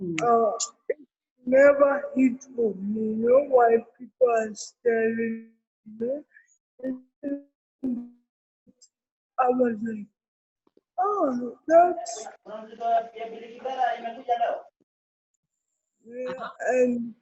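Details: Adult woman with cerebral palsy present since birth, speaking in an interview; dysarthria.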